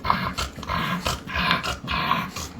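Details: Noisy, stertorous breathing in a bulldog with heatstroke, recorded at a veterinary clinic during treatment.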